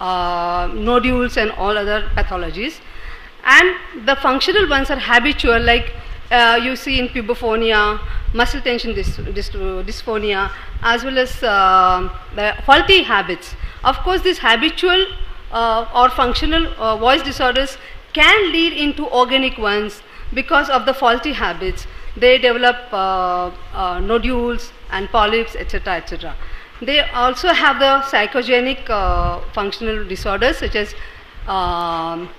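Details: Adult speaker, lecture; ordinary speech.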